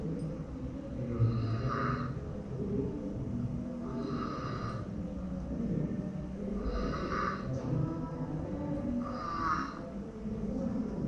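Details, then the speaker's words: Loud, regular snoring with strained breathing, about one noisy breath every 2.5 seconds, in a 1-year-2-month-old boy with grade 4/4 tonsil and adenoid hypertrophy; marked respiratory effort from upper airway obstruction, with episodes all night. "Como ves, son ronquidos bastante audibles, ¿no? Con un esfuerzo respiratorio bien marcado."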